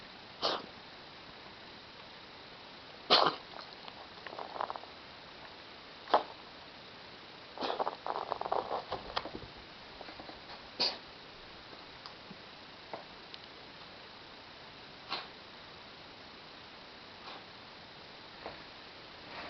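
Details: A 10-year-old ragdoll cat coughing; the cough happens only at night, several times a night, and began about a week ago: several short, soft, dry hacking bursts over steady room hiss.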